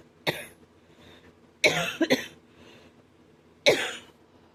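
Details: Man with a breaking cough that hurts his chest and throat: four short, harsh, dry hacking cough bursts, two close together, in a quiet room.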